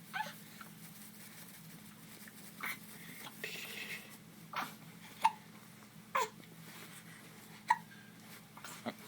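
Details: A dog gives himself the hiccups: about seven short, sharp hiccups at uneven spacing over a steady low room hum.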